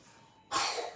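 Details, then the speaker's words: A young girl coughs at home: a single short, harsh cough burst in a small room with faint room noise. Cough. "vous entendez la petite elle tousse"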